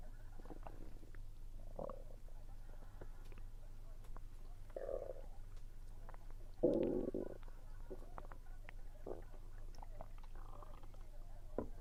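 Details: Soft gurgling stomach rumbles in several short bursts during a meal, attributed to low air pressure, with faint chewing clicks; ordinary bowel sounds.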